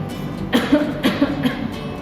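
Three short, muffled coughs from an adult, acted to show coughing into the hand.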